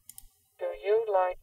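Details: Simulated cochlear implant hearing played to the normal-hearing ear of a woman with single-sided deafness during CI sound-quality matching: clicks, then a thin, robotic spoken phrase lacking low tones, pitch raised.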